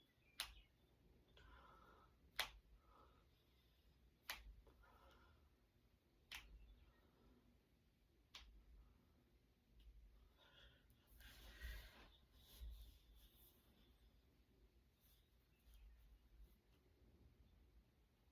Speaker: I'm gonna crack my fingers because I want to and it feels good. I have to crack them.